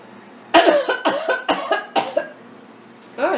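Four strong, sharp coughs on request, then a fifth after a pause. This is a firm voluntary cough tested during a swallowing exam.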